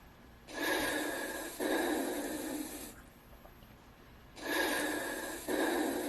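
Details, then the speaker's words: Simulated virtual patient during blood pressure measurement training: two loud, heavy breaths, each a long noisy inhale then exhale; heavy breathing. "please keep in mind that I am dealing with a virtual patient right now and you will be able to hear my virtual patient breathing so if you hear heavy breathing it's not me it's my virtual patient"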